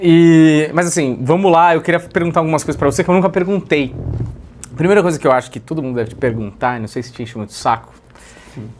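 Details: Adult male speaker; typical speech.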